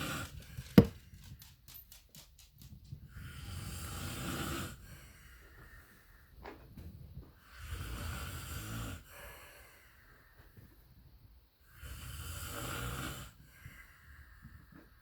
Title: more snoring .....